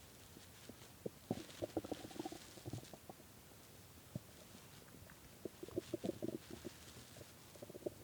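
Quiet bursts of gurgling, bubbling bowel sounds in two clusters; stomach growling from hunger.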